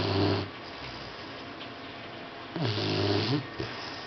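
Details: Sleeping boxer puppy: two loud, low rattling snores with quieter breathing between them, likened to an old man snoring; snoring.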